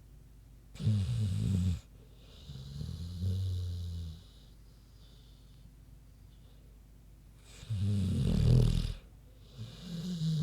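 Deep, rattling snores with grunting breaths between them from a sleeping pig.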